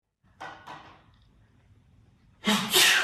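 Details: Sneeze: two short breathy catches, a pause, then a loud hissing burst in a quiet room, followed by laughter and throat clearing.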